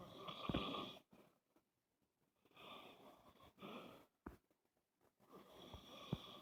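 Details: Loud, rattling snores in bursts separated by brief quiet gaps from a man with sleep apnea.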